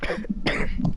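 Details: A girl coughs once briefly then clears her throat, with low room noise; she coughs repeatedly throughout.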